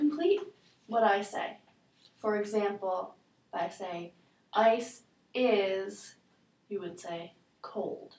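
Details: Adult woman, clinician; normal speech.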